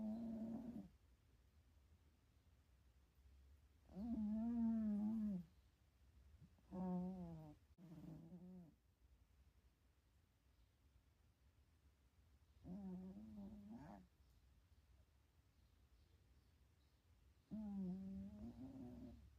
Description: Sleepy cat dreaming and snoring / #catvideos #cat #irvington